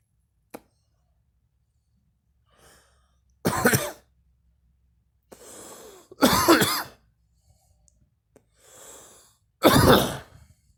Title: me coughing